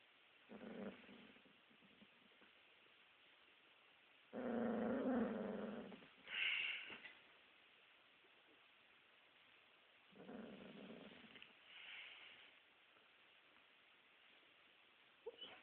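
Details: Soft muffled woofs, low growls and whimpers in short bursts separated by quiet from a dog vocalizing while dreaming; sleep vocalization.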